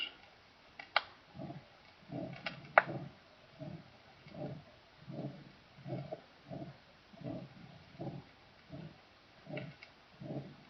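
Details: Aortic stenosis murmur.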